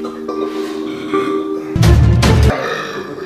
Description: Love this guy and his burps.